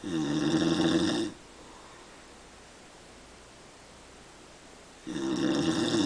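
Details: Dad snoring at night: two loud, buzzing, tonal snores on inhalation, separated by a quiet pause of about four seconds; ordinary heavy snoring.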